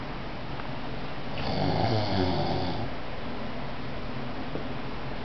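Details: Nephew snoring during sleep, loud enough to need ear plugs: a single loud, low, rattling snore on an in-breath, rising and fading over about a second and a half against steady room noise; snoring.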